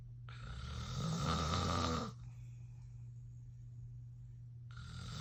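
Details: Adult man (dad) snoring in sleep: one loud, rattling snore on the in-breath over a steady low room hum, with the next snore starting.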